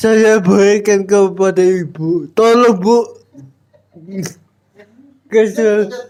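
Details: Adult with cerebral palsy, real speech: dysarthric speech (cerebral palsy).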